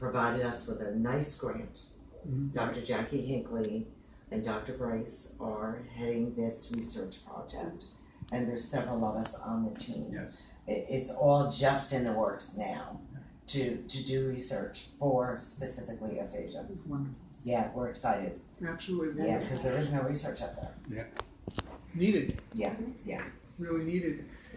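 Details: Adult man with aphasia after a stroke nine years earlier, with total right-sided weakness, speaking in a real conversation; aphasia.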